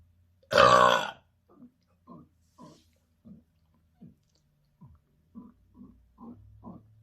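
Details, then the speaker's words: Burp-induced hiccups after gulping a drink: one loud burp, then about ten small, quiet hiccup-like catches roughly every half second, tending to come during inhales. "The rest of it got stuck, I think. These hiccups are just all burp induced."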